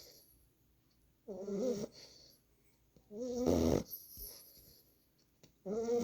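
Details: A 9-week-old boxer puppy asleep on a lap gives three loud, rough snoring breaths about four seconds apart in a quiet room: puppy snoring in sleep.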